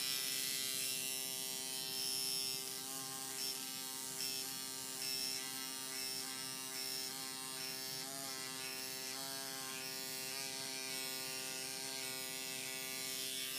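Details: Microneedling pen on a client's face (nose, upper lip, forehead), depth changed from 0.25 to 0.5; steady high-pitched electric buzz with a faint rapid pulsing, quiet room and soft music.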